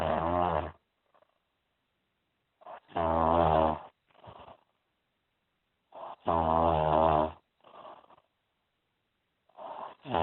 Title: Snoring Video With Remedies